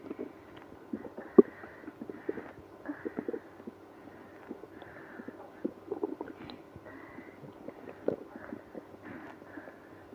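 Frequent gurgles, squeaks and rumbling bubbling sounds coming in quick runs: active stomach growling from irritable bowel.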